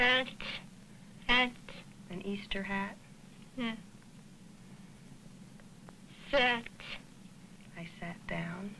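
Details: Girl with hearing loss attending a summer speech clinic, learning lip reading and working on final sounds and the D and G sounds; speech of a child with hearing loss.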